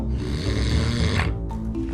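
A deep, rattling snore through the inhaled breath, with music playing underneath; loud snoring during sleep.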